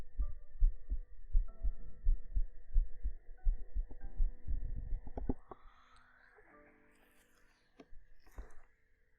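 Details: Heart-sound segment of a sleep-aid ASMR stream framed as resting in a mother's embrace: soft, regular low thumps at about 80 a minute fading out midway, with faint background tones, a steady heartbeat.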